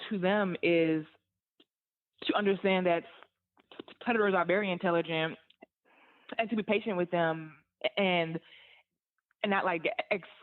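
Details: Adult woman who stutters, an author and content creator, says stuttering hurt her job search and interviews; stuttering.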